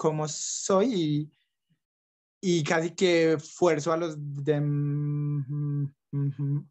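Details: Young adult man who stutters and reports blocks and repetitions, speaking Spanish; stuttering.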